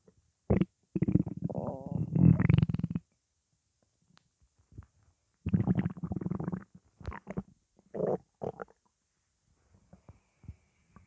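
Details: Loud, low gurgling rumbles in several bursts with gaps between: stomach growling from morning hunger.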